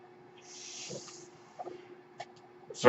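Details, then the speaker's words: Soft airy hiss rising and fading over about a second against low room hum, the speaker's own home mechanical ventilator delivering a breath cycle. "hello everyone my name is that noise agrees my ventilator"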